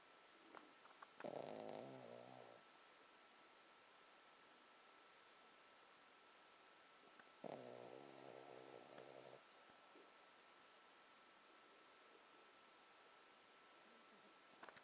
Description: Ginger, my Blenheim Cavalier King Charles Spaniël (yeah, big name, small dog), sleeping and snoring on my bed.